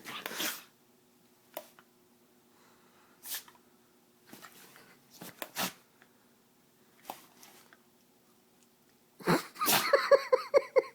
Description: My dog sneezes when he gets excited!